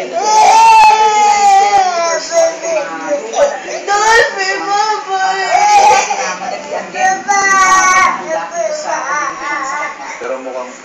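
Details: Loud, sustained wailing baby cry with rising and falling pitch, broken by brief breaths, with some voices mixed in: infant crying.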